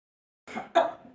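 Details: Adult acting out a cough: two short, harsh, dry bursts in quick succession.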